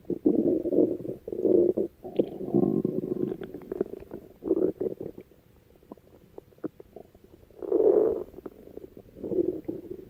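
Repeated low gurgling and rumbling bursts with clicks between them, typical of ordinary stomach growling.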